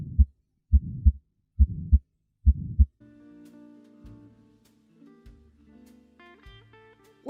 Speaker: a heart murmur is whooshing in the heart due to a valve not working properly if blood strikes obstructions like valves it creates a whooshing noise let's listen to a few different types of murmurs